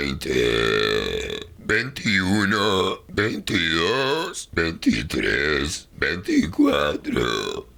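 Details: Deliberate voiced, drawn-out belches shaped into Spanish number words, counting aloud while burping (aiming to count from 1 to 100).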